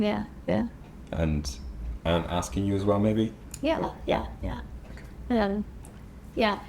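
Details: Adult speaker; no speech disorder.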